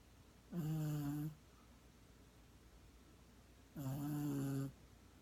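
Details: Dog (Chico) snoring loudly in sleep: two long, low, rattling snores about three seconds apart in a quiet room.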